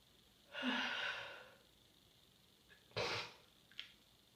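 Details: Itchy sneezes during a cold: two sneezes, a long drawn-out one then a short sharp burst, with a small trailing snort.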